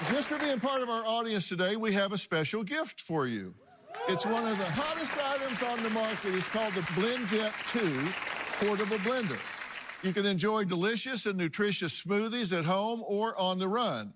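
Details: Adult male speaker; normal speech.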